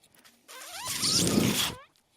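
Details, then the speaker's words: Home mechanical ventilator of the person speaking: a rising mechanical whoosh with whistling, hissing airflow, building then stopping abruptly in a cycle. "That noise you're hearing is my ventilator."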